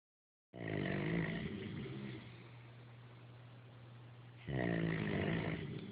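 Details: Loud, rough, rattling snores on breathing in, with quieter pauses between them; typical snoring.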